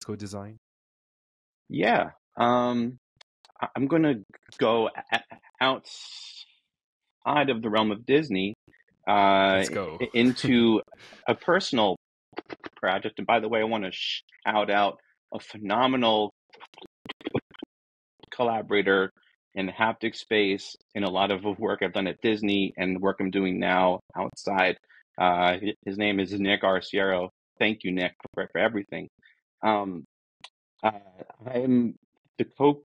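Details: Adult man who says he is a person who stutters, real and not a recording artifact; stuttering.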